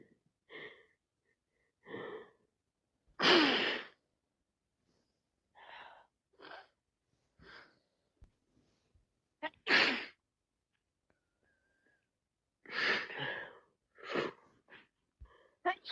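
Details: Sneezing with a head cold: several explosive sneezes between wet sniffles and quick inward breaths, in a quiet room.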